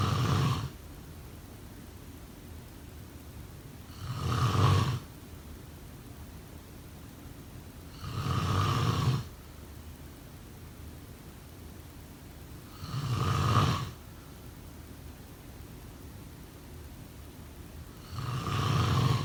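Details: Snoring during sleep: deep, rough snores on each breath in, about 14 a minute, with quiet pauses between.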